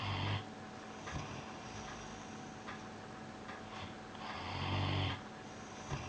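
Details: Piran snoozing on his bed: low, rumbling snore breaths against steady room hum with faint background ticking; snoring.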